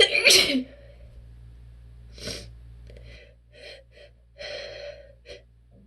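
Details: Strong sneezes with attempted holdbacks from a person with relentless allergies: a strong sneeze, gasping breaths, then a smaller stifled sneeze.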